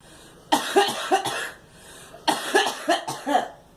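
Two bouts of four short coughs each, separated by a pause.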